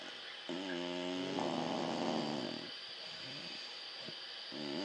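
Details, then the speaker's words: A dog snores loudly all night: a droning, buzzy inward snore turning into a harsh rattling rasp, then quieter breathing before the next snore starts. "all night I had to listen to this shit."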